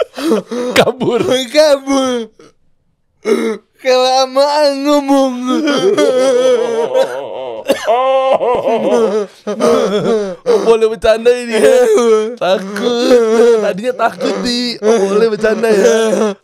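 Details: Adult man born in 1987 with severe cerebral palsy from birth, attributed to a birth injury during a breech delivery; unable to walk until about age 9; able to speak but not clearly; dysarthria (cerebral palsy).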